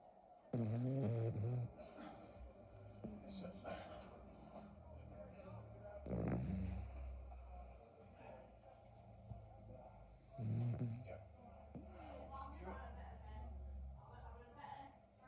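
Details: Mabel, a Blenheim Cavalier King Charles Spaniel, snoring as loud as a Great Dane: deep, snorting snores every few seconds over background television dialogue; loud snoring from a small dog.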